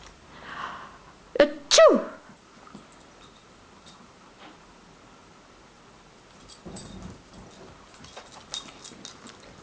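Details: Canine partner (assistance dog) performing a trained sneeze on cue, a quick double sneeze of two sharp snorting bursts close together, then quiet room noise: sneezing.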